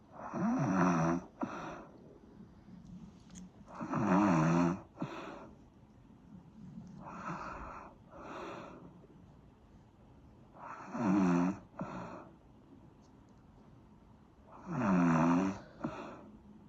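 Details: Snoring: deep, rumbling snores on each breath in, about 16 a minute, with softer breaths between.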